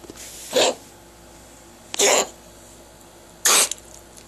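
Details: Small dog with a recurring coughing and gagging problem of unknown cause, awaiting a vet visit: three short, harsh hacking bursts, each about a quarter second, set off by rubbing its throat.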